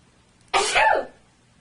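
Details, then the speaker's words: Simulated, acted sneeze in a cough-and-sneeze etiquette demonstration: one sharp, hissing burst of air fading over about half a second. "you will now see a series of coughs and sneezes performed by random subjects their coughs will be judged by our panel of three infectious disease experts dr. Gram stain dr. blood Haggar and dr. polymorph"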